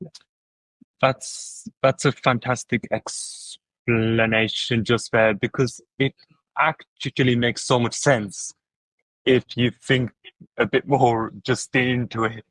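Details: Adult podcast host who stutters, with word repetitions; stuttering.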